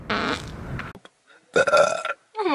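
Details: Loud, rough, drawn-out belches separated by brief pauses; burping in a compilation mostly of farting.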